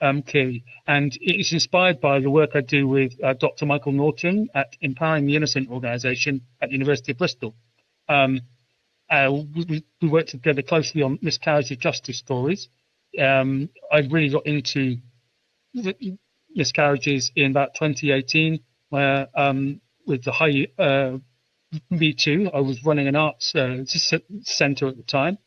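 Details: Adult UK male with a stammer since about age 5 (around 1980), intense for 20 years, who learned techniques in speech therapy at about age 24; his speech is still imperfect; genuine stuttering (stammer).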